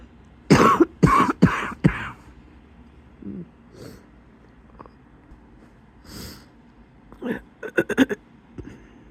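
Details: Adult coughing in bed just before getting up: a run of harsh coughs, then quieter short coughs and breaths with a wheezy, whistling edge; wheezy cough.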